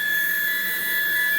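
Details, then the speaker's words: Dräger Savina mechanical ventilator, nebulizer button pressed during a practical lecture: steady hiss of air with a constant high whine as the nebulizer port blows air; ventilator nebulizer airflow. "وبتروحوا انت ضاغط هنا على النبيولايزر بصير ايش؟ طلع هذا الزر بدا يعمل هواء."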